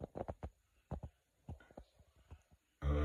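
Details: Stomach gurgling bowel sounds in an adult with lactose intolerance after drinking cow's milk.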